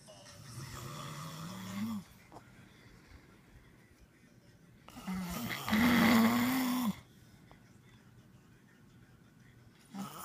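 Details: Two long, loud rattling snores on the in-breath with quiet pauses between, the second rising to a harsh droning vibration; loudest snores not captured: heavy snoring.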